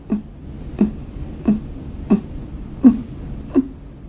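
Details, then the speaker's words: A child making short voiced grunts on each breath out, about 85 a minute: expiratory grunting, a danger sign of breathing difficulty that needs urgent medical help. "Many children with pneumonia will make a noise like this when they breathe out. This is called grunting."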